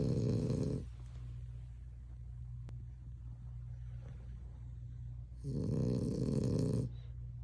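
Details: Chocolate French Bulldog snoring: deep, rattling, bear-like snores on the in-breath with quieter breathing between, about two in seven seconds; loud snoring in a flat-faced dog.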